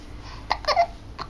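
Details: Infant boy almost 3 months old: brief, abrupt voiced catches with a small squeaky vocal sound; hiccups.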